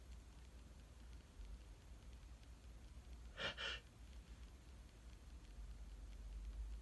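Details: Male sneezing: a single quick, sharp burst of breath over a steady low hum.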